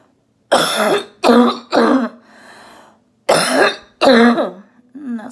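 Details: A female orthopedic surgeon recovering at home from COVID-19, voice nearly lost from coughing, coughs during a "phlegm gym" exercise to bring up phlegm; cough.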